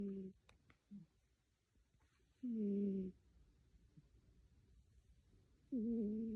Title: Cat Snoring